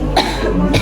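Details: A short, forceful cough in a nursing practical demonstration of deep breathing and effective coughing on a female patient to clear sputum.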